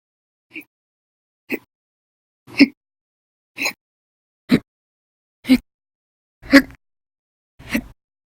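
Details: Eight short, sharp hiccups about one a second, fairly regular, from a person with persistent, violent hiccup bouts lasting hours at a time over November 1–20, 2019.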